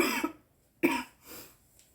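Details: Adult woman coughing: two harsh, explosive coughs separated by a brief pause, then a soft exhale.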